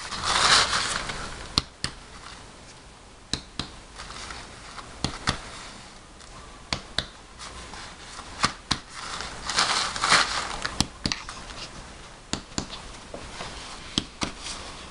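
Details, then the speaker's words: Adult physical exam, respiration 18, even, non-labored, breathing normally: irregular sharp percussion taps over the back; the note is resonant and symmetric, a normal finding. "the next test is called percussion you can breathe normally"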